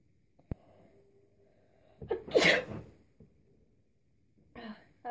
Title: Another sneezing video